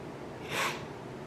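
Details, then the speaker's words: One soft, noisy snorting breath from a sleeping pet dog, tired after an early-morning dog park visit, against quiet room noise: dog snoring. "Sorry if you can hear my dog literally snoring right now. I don't even know why he's tired."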